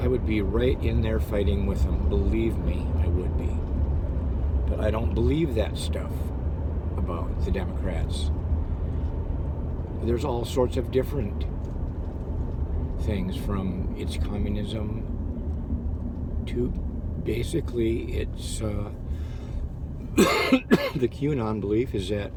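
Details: Adult man who had severe stuttering that still crops up, with stammering and hesitations; stuttering.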